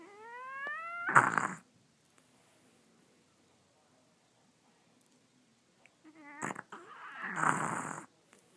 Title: French bulldog snoring!